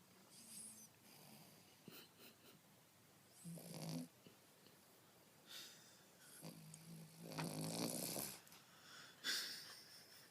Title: A snoring, smiling pugalier